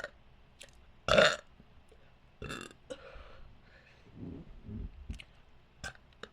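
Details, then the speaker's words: Deliberate burp-talking after swallowing air: several short burps, one loud and abrupt, with quieter voiced belches and clicks between; voluntary belching. "I swallowed a bunch of airport I back up again I am a Burk biggy check out bye bye I'm running out of error have to let it rise to the surface before I canvert more hold on I just had a slch"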